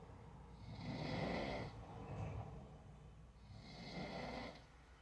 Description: I recorded a video of my dad snoring